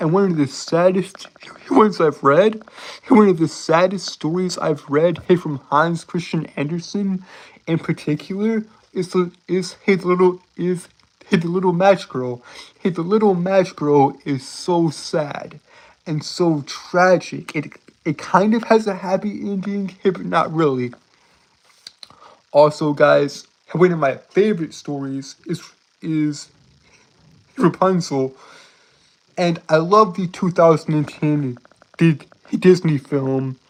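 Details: Male streamer with a self-described speech impediment he says he cannot help; the impediment is not named but is labeled as stuttering.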